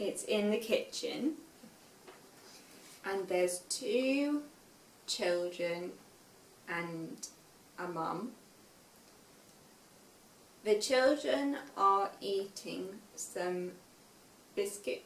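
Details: Young woman, 5 years after a stroke at age 18, describing a picture; she produced only single words shortly after the stroke and now manages sentences with difficulty; aphasia.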